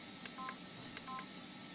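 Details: Fresenius Kabi VP7s infusion pump being set up in a training demonstration while navigating the rate, time and volume menus: two key presses, each followed by a short electronic keypad beep.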